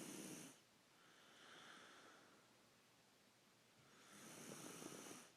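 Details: Snoring profusely: slow, soft, breathy snoring with a rasping inward breath, a quiet pause, then a harsher noisy breath.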